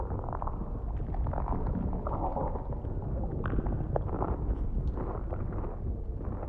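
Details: Role-play ASMR recording, not a real exam: close-miked stomach sounds of food digesting after eating, with deep, continuous gurgling and rumbling typical of bowel sounds; stomach rumbling.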